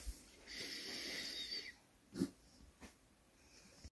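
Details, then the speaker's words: Female Chow Chow dog suddenly producing a hoarse, horse-like honking cough at night, with a long rasping, wheezy throat noise and short snorting bursts; owners feel something is stuck in her throat, though nothing was found. "and then nighttime you know like she started making this coughing sound like horse you know like you know like a little stretching"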